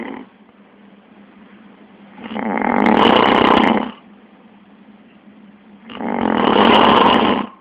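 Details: Man snoring during sleep, which the recorder calls sleep apnea: loud, harsh, rattling snores on each breath, with two long snores and quieter breathing between them.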